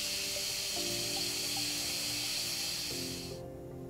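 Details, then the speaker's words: Steady high whirring hiss under background music, then stopping, from a Sof-Lex polishing disc shaping anatomy on a freshly cured Class III composite restoration on tooth 7. "all right so now that we have that um layer built on we'll just start with the polishing thank you and i like these soft flex discs so i'm going to just start getting some of that anatomy"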